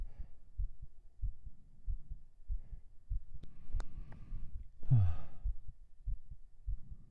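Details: Binaural ASMR recording of a heartbeat right after 37 push-ups, with panting: soft, steady low heartbeat thumps with breathing noise and a sigh; a normal heartbeat after exercise.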